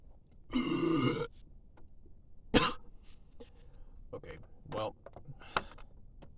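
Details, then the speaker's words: Burping after chugging Sprite while trying not to burp: one long, loud, rumbling burp, then quieter throat sounds and faint talk. "all right I've got another Sprite and I have a goal and that goal is to not burp okay um things are gonna go down and uh all right this might not go very well okay I almost didn't burp oh"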